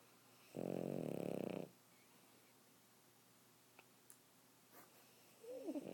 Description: Puppy Boston Terrier snoring